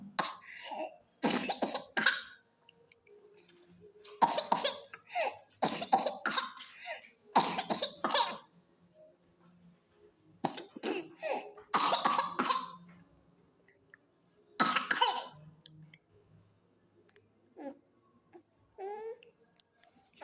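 A child's harsh coughs come in rapid runs, with a brief high-pitched indrawn sound near the end, typical of whooping cough.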